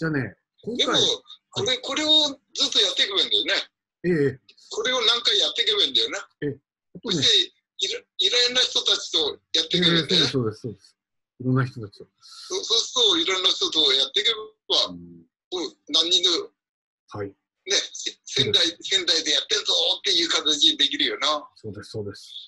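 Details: Man with aphasia for several years, now recovering, speaking in an online group session; aphasia.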